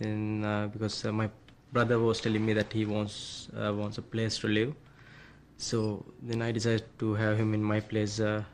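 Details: Adult; normal speech.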